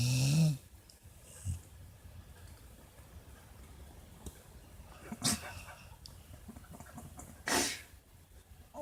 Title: My Snoring Dog